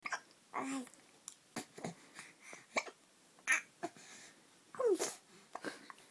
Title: Baby with hiccups 3 months old